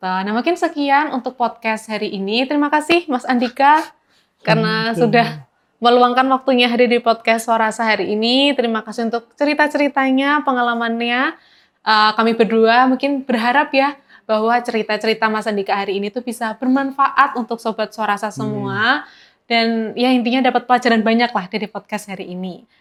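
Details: Adult woman; typical speech.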